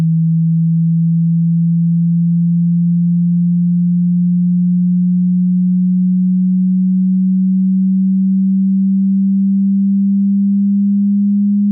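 Steady pure low tone, slowly rising slightly in pitch, with brief dips between steps; a hearing-test tone sweep.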